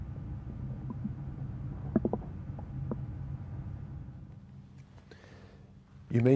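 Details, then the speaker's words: Abdominal examination demonstration, stethoscope over the right iliac fossa: low gurgling and a few soft clicks, normal bowel sounds. "now I'd like to listen for bowel sounds I usually listen in the right ey like foser"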